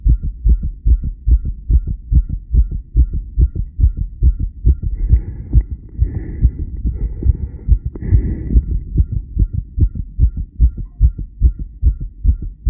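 Fast, steady heartbeat of about 140 beats a minute: a regular rapid rhythm, tachycardia.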